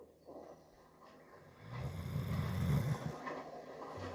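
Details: A sleeping Doberman Pinscher snoring: a low, rumbling snore building over a couple of seconds, with quiet room noise.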